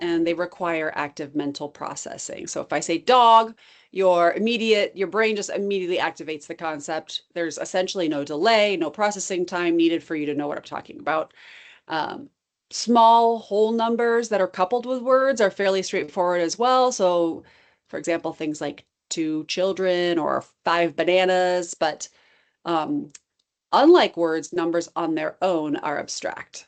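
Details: Adult woman speaking; typical speech.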